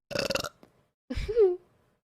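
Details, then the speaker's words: Burping by a girl: two loud, deliberate burps, a rattling one then a longer, deeper one with rising then falling pitch, amid talk. "they just like keep growing forever and ever like that was a huge burp"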